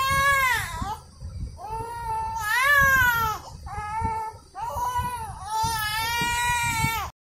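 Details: A baby crying while trying to catch a balloon: several loud, pitched infant cry bursts with rising and falling wails, some breaking into laughter; ordinary infant crying mixed with laughing.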